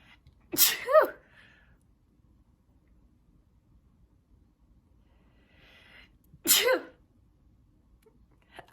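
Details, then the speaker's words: Two sharp sneezes about six seconds apart, each a quick in-breath then explosive burst, in a quiet room, during a sneeze attack while streaming; sneezing. "I need to stay muted for a minute because I am in the in the middle of another sneeze. Attack."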